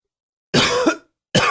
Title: Coughing 35.wmv